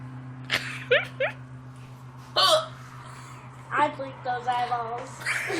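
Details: Sister with hiccups: brief sharp hiccup sounds between short bits of voice and laughter, with a steady background hum.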